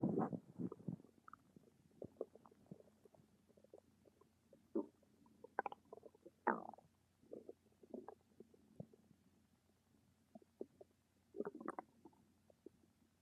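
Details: Irregular gurgles, squeaks and bubbling rumbles from the belly; stomach rumbling (borborygmi), a normal gut sound.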